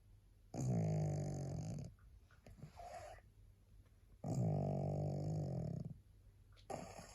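Loud, rattling snores on each breath, about two breaths heard with quieter exhalations between; a flat-faced dog snoring.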